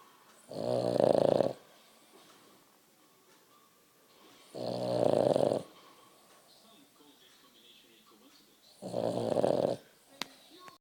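Three slow, rumbling snores from a sleeping dog, about one every four seconds, with quiet pauses between.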